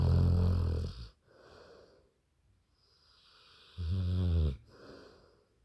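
Two loud, deep rumbling snores on inhalation, with quieter breath sounds between them: snoring.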